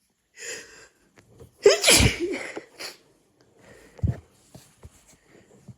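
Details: A sharp, forceful sneeze after a brief intake of breath, then sniffing and small noises: a hay fever sneezing attack after cutting the grass, with hay fever described as excessive this month.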